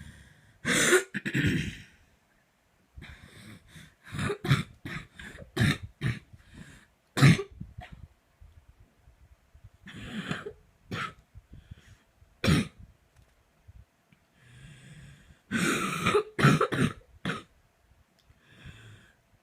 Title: So this coughing fit happened at 2am. Make it stop.